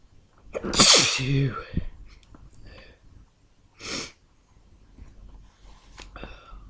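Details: Part of an intense sneezing fit: two forceful sneezes a few seconds apart, the first with a voiced "achoo", followed by quiet breathing and small sounds.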